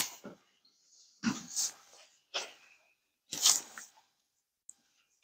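Three sharp, hissing sneeze-like bursts over about five seconds, separated by silence; repeated sneezing.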